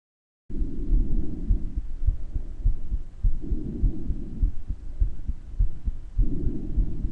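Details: Self-recorded stethoscope recording of the person's own heart murmur: beat around 100 a minute with a whooshing murmur and breath noise swelling in and out; the murmur is clearer in some parts of the recording.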